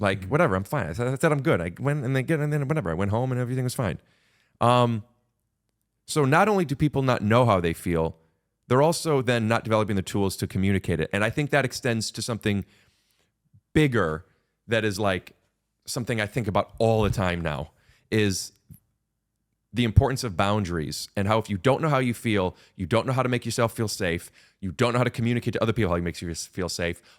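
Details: Adult man speaking; normal speech.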